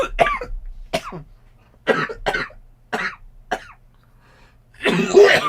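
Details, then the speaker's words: Coughing fit while speaking: about eight harsh, irregular coughs with throat clearing, ending in a longer strained cough; listener remarks it sounded painful, nearly to retching. "Oofta. That sounds painful. I know. I need a drink. Apologies. Sounds like you came about a centimeter from losing your lunch."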